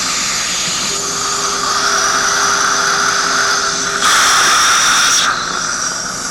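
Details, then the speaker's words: Loud continuous high whine with water hiss and spray as a dental surgical drill under irrigation makes a pilot hole to 80–90% of implant length for a 2.5 mm mini implant, upper denture stabilization under anesthesia; dental surgical drill. "we go ahead using Copus irrigation make our hole with the Interlock system we're going to drill approximately 90 80 to 90% of the total length of the implant"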